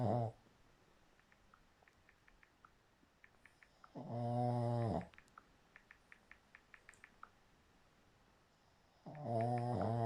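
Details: Loud, deep rattling snores on each breath, about 12 a minute, with faint clicks between; snoring.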